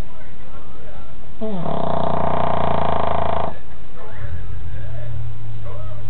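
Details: A single loud, rough, droning snore from a sleeping dog, which sleeps about 22 hours a day, with low rumbling breath noise after it; snoring.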